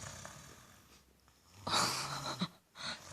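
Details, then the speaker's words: Sleeping 3-year-old boy, said to have inherited snoring from his father: a harsh, rattling snore with a tonal hum on the in-breath and a shorter rasping out-breath. "Turunan dari ayahnya. Serius ini kakak yang ngorok karena di sini nggak ada siapa-siapa lagi selain kakak."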